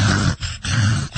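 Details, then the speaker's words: A person imitates a dog's reverse sneeze, described as occurring 4–5 times daily despite steroids, with two harsh, low snorting grunts drawn in through the nose; imitation of reverse sneezing. "And when you say reverse coughing, we're referencing reverse sneezing, kind of the sound that's like a..."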